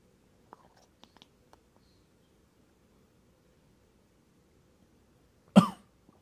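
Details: A single short, explosive, dry adult cough near the end of a near-silent recording with faint clicks; a cat present responds to human coughs.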